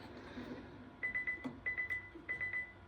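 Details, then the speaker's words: Mechanical CPR device (LUCAS) on a training dummy emits repeating groups of three short high-pitched beeps: alarm signalling the patient is too small for the device, so mechanical CPR cannot be done (not usable on pediatrics). "Do you hear the beeping sound here? This is what I'm saying. So this patient or this dummy is going to be too small, and this is not going to work for this."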